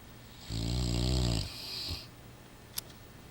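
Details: Sleeping Rottweiler dog snoring: one deep, rumbling snore on the in-breath, then a softer sighing breath out.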